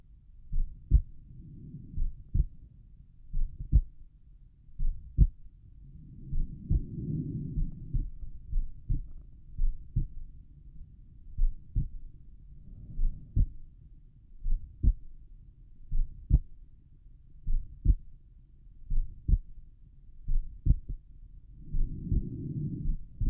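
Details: Normal heart sounds over the pulmonic area at rest: slow, steady paired heart thumps with a few soft breath rushes between.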